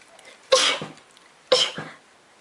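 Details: Young woman with repeated sneezing during the day: two sharp, explosive sneezes about a second apart.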